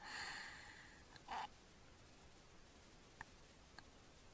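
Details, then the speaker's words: Obstructive sleep apnea in a sleeping child, the tongue falling back during sleep: noisy breathing and a short snorting gasp, then near silence with small clicking sounds as he holds his breath and tries to draw air. "now he's holding it that was holding it he's still holding it he's trying to click in air there he goes"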